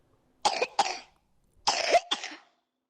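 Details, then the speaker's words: Four short, harsh coughs in two quick pairs from a five-month-old infant girl coughing for three days, during a sick-child assessment demonstration; cough. "is coughing a lot and I'm worried about her"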